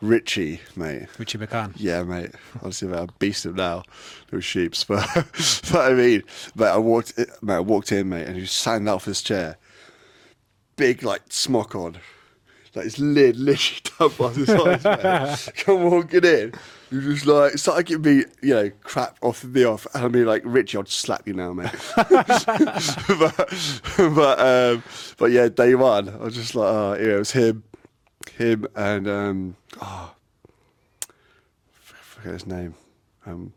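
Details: Adult man with a lifelong stutter; a speech therapist linked it to signalling between brain and mouth muscles and to breathing and speech timing; stuttering.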